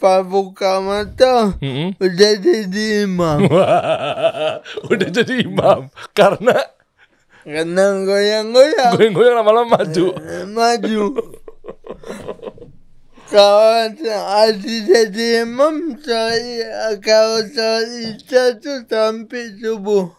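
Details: Adult man born in 1987 with severe cerebral palsy from birth, attributed to a birth injury during a breech delivery (described as malpractice); he could not walk until age 9 and speaks, but not clearly; dysarthria (cerebral palsy).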